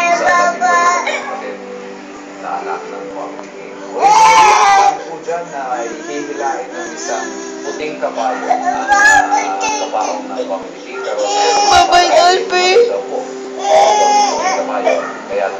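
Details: Repeated bursts of an infant's high, wavering crying over steady background music and talk; infant crying.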